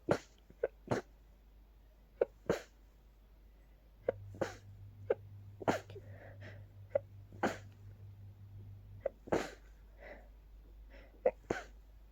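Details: Rapid sneeze attack from pollen, with watering eyes and increasingly stuffy nose: about a dozen short, sharp, forceful sneezes over twelve seconds.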